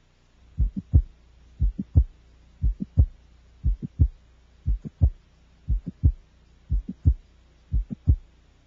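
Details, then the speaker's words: Single midsystolic click in a child, easiest to hear at the apex: regular heartbeat near 59 per minute with a sharp extra click between S1 and S2; clicks indicate mitral valve prolapse and mitral regurgitation. "a systolic ejection sound audible later in syst is called a midsystolic click and is easiest to hear at the Apex"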